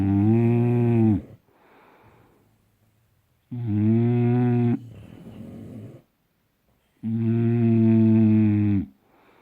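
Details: Snoring during sleep: loud, drawn-out, droning snores with a strongly voiced, almost humming tone, roughly every three to four seconds, each followed by a soft breathy outflow.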